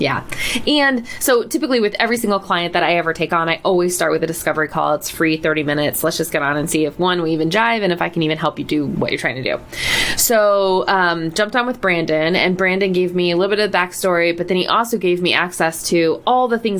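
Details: Adult woman speaking; normal voice.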